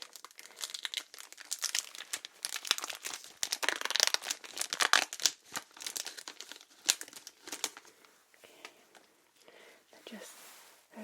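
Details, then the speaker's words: Close, crisp crinkling and rustling of dressing packaging in a quiet room as a dressing is applied after a simulated neck lymph node biopsy; acted ASMR roleplay. "okay you're all right there just going to pop you a little dressing on that all right you can keep the dressing on for a couple of days try not to get it wet okay"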